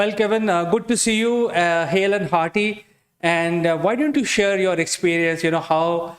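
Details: Adult speaker; normal voice.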